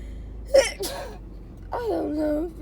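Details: Sneezing from a person unsure whether it is allergies or a cold, who also has a wet, barking cough and is sneezing constantly: two sharp bursts with a short intake, then a drawn-out vocal sound, while trying to talk through it.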